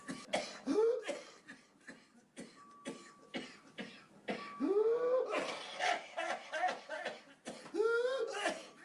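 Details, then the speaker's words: Adult coughing non-stop in rapid runs with harsh, rising whooping gasps between bursts, barely inhaling, unable to eat or drink; paroxysmal cough, a sign to go to hospital. "This one I'm going to play sound for just so that you can hear what it's like when somebody's coughing non-stop. And this is also a sign that you need to go to the hospital."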